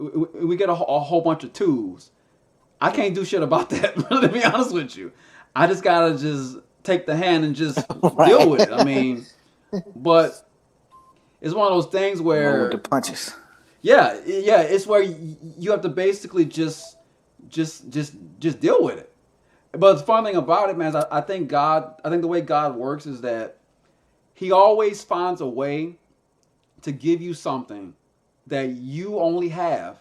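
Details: Man who stutters and uses a SpeechEasy device, a Bluetooth earpiece with a phone app that plays his own voice back; stuttering.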